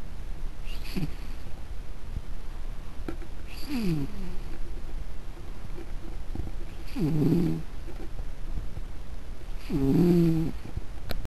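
Soft, squeaky breath sounds recurring every few seconds over steady background hiss; a cat snoring in sleep.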